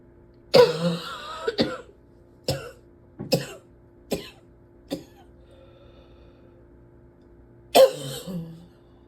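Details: Repeated coughing: about seven sharp cough bursts, some with a short rattly tail, separated by brief pauses.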